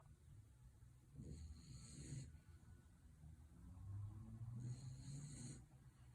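Low, rumbling snores with a hissing edge on each breath, two cycles over about six seconds: snoring during sleep.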